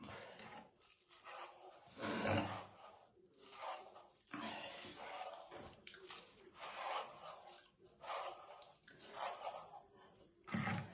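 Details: Adult woman's real, intense smoker's morning cough while slowly brushing her hair: repeated heavy, deep coughing fits with rough, wet-sounding breaths between; smoker's cough.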